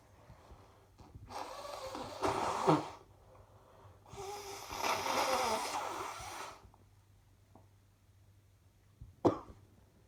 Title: Another set of clips from today's coughing